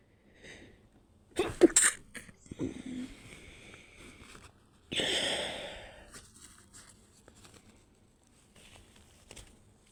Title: I hold my nose when sneezing